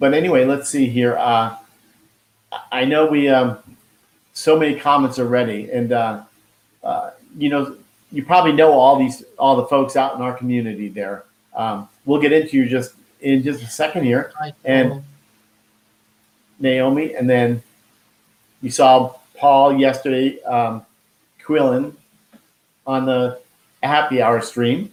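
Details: Expressive aphasia after a stroke at age 49, about 10 years earlier, in a man who could not talk at first and still loses words.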